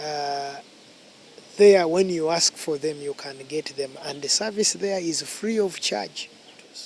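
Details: Adult male speaker; Fluent speech.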